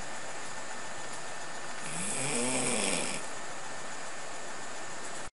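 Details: Simulated snore of the cartoon game character Snorlax, not a real sleeper: one long, low, rumbling snore over a steady hiss.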